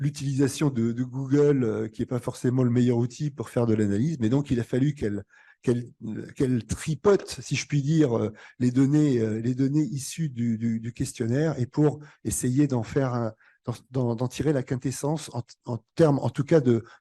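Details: Adult male speaker; Normal speech.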